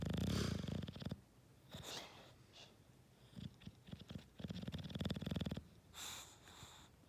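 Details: Bulldog snoring while dreaming: loud, low, rumbling, fluttering breaths with quieter snorty pauses between them; dog snoring.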